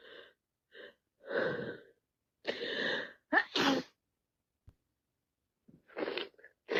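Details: Several wet, forceful sneezes with gasping in-breaths between them, from an adult with a head cold; sneezing and sniffles recur after 3 minutes.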